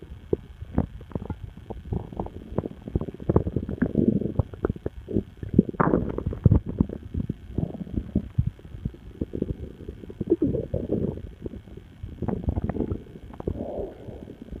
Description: My stomach started going nuts, so I made this recording.